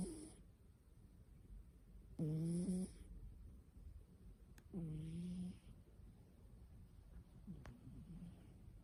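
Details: Harmless snoring from a sleeping cat: slow, rough, surprisingly humanlike snores on each breath, three clear ones in a few seconds.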